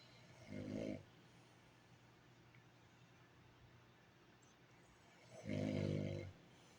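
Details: Sleeping animal, possibly a dog: two loud, low rattling snores about five seconds apart, near twelve breaths a minute, with quiet between; heavy snoring.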